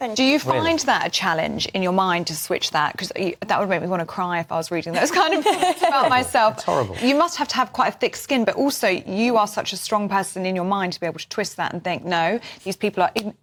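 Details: Adult woman speaking; ordinary speech.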